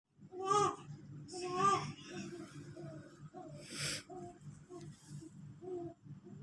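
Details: Infant unable to sleep because of a cough, crying fussily with short whimpers and a breathy burst.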